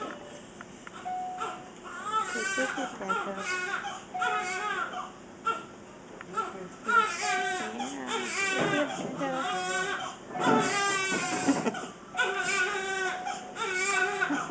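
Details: Infant crying during a bath he dislikes, with repeated bouts of high, wavering wails and brief pauses for breath, a fussing cry. He sneezes around this time.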